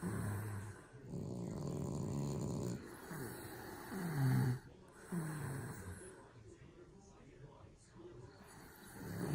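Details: Two very tired sleepers: loud, low, rattling snores with snorting breaths on breathing in, over a noisy background; snoring.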